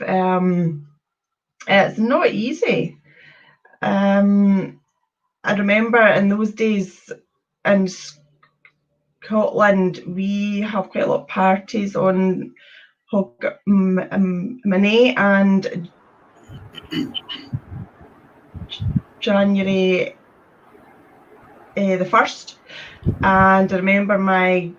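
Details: Adult woman from Scotland with a stammer since age three, describing getting blocked when speaking; stuttering.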